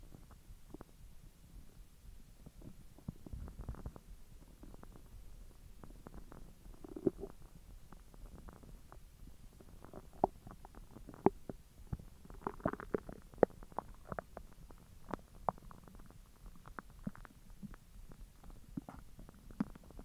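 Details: Frequent gurgles, squeaks and rumbles from the belly after eating hotdogs following 10 hours with an empty stomach: active bowel sounds of digestion.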